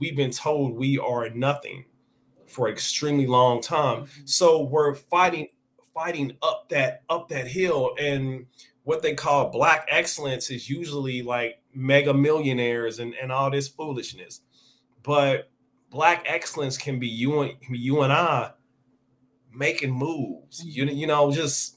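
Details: Adult man who has stuttered since age five or six, noticeable over extended conversation; word and phrase repetitions heard; stuttering.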